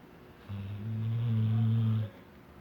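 A single long, low, rumbling snore from a sleeping dog in a quiet room.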